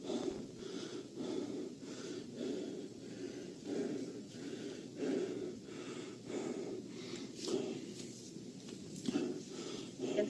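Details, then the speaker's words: Patient simulator in a nursing scenario with raised heart rate and blood pressure, itching, fidgeting and increased respiratory rate. Heavy, fast breathing of about 23 breaths a minute with a whistling wheeze. "he's now breathing much more heavily we can hear audible wheezing and he seems a little bit fidgety he's moving around on the table"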